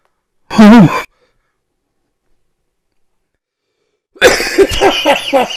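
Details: Elderly man (grandpa) coughing after inhaling from a vape: one loud harsh cough burst, a pause, then a run of several coughs in a coughing fit.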